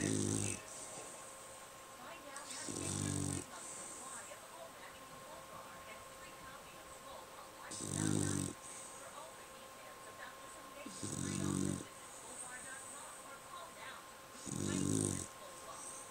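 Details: Dog Molly snoring while asleep: deep, rattling snores at about 19 per minute with uneven spacing, over a faint steady hum.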